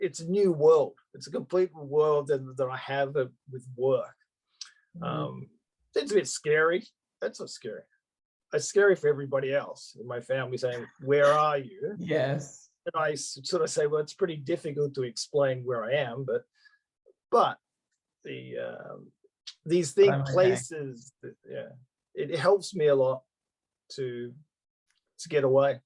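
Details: Adult male stroke survivor with post-stroke aphasia, who prefers places where he need not think about reading, writing or speaking. Finding: aphasia.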